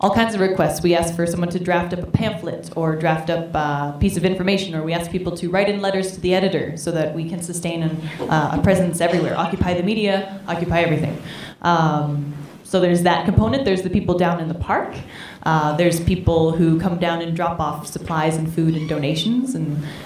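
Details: Adult speaker; normal voice.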